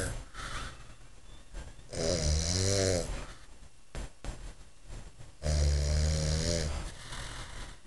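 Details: A man snoring: two loud, low, rattling snores on breathing in, separated by quieter breathing.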